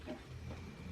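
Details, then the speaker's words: A sleeping pet snoring heavily behind the speaker: a faint, low, rumbling, grunt-like noise in a small room. "you can hear Luna behind me she is snoring up a storm um"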